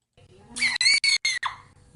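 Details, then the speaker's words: A chicken gives a brief, high, squeaky sneeze broken into a few sharp little bursts, replayed on a radio show; chicken sneezing. "they certainly come in handy if you were to sneeze which is how that's a chicken sneezing let's hear it again"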